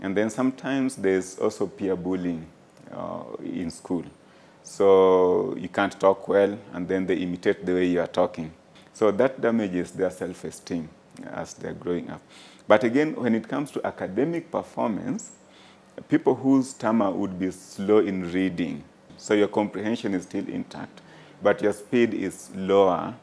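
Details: Adult male speaker; normal fluent speech.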